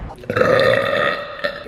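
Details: A person burping really loud: a single loud, drawn-out voiced belch lasting over a second.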